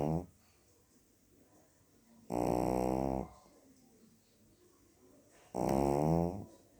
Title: my little cute dogs snoring 😴🤩